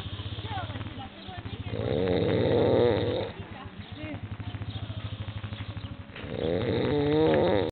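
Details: A man snoring: loud, rattling snores recur with each breath in, about two in eight seconds, with a quieter fluttery hum between.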